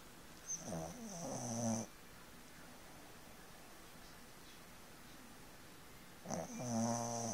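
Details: Shih Tzu dog snoring: two long rattling, buzzing snores on inhalation about five seconds apart over steady room hiss.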